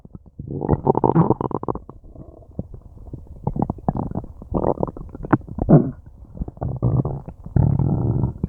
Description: I have no idea what I ate, but my stomach and intestines are having a tough time breaking it down, it's been growling and gurgling and groaning for a long time and it feels kinda nice ^-^